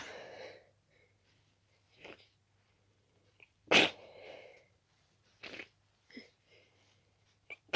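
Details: Rapid run of wet, stuffy, explosive sneezes with snatched breaths and a few stifled ones; an extremely itchy sneezing fit from a strong dust allergy.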